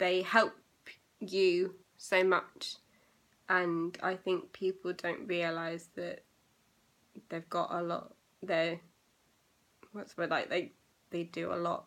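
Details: Aphasia in a young woman, recorded eight years after a stroke she had at age 18; she reports persisting problems with reading, writing and saying numbers.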